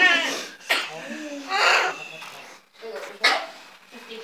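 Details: Newborn baby boy's first cry moments after birth: short, breathy crying bursts, with quiet voices in the room.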